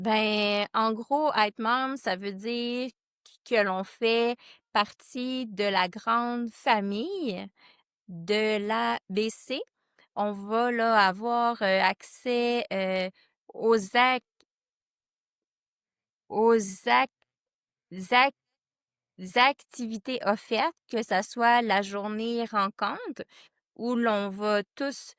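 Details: Board member of a stuttering association; stuttering.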